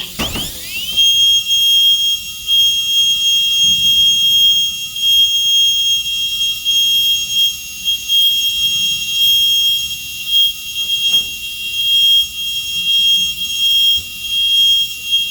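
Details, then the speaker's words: Steady piercing whine of a high-speed dental drill running at 200,000 RPM, with small dips as it lightly touches the tooth wall. It is reducing the buccal cusp in a Class II MO amalgam preparation on a mandibular second premolar. "I'm running it at 200,000 RPM, but I am very touching the wall lightly."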